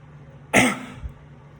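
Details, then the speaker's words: Demonstration of a normal voluntary cough technique: a deep inhalation held against a closed glottis, then a forceful expiration, giving a single strong deliberate cough. "normal coffee is going to be a deep inhalation you're going to hold that in with a closed goddess and then a forceful expiration so it would be a"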